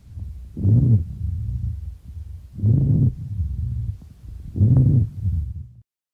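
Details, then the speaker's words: Low-pitched snoring rumbles through each breath, played as an exam audio clip of abnormal lung sounds and identified as rhonchi indicating bronchitis. "now before looking at the options here it sounds like a ronai rumble so with ronai you have to think broni specifically bronchitis so option two is the correct option here"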